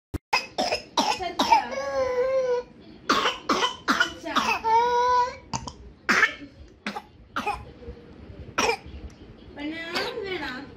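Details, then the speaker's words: Patient with breathing difficulty, cough not relieved by allopathic medicines: runs of rapid repeated coughs followed by long high-pitched inspiratory whoops, described as inspiratory whoop typical of whooping cough. "what sort of cough is this you were asking about the cough this is inspiratory woof right inspiratory woof that is inspiratory wo"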